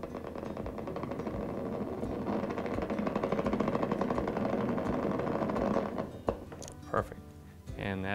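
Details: Needle EMG during nerve conduction testing, patient lying down and pushing the thumb up against the examiner's finger ever harder: dense crackling motor unit potentials forming a full normal interference pattern.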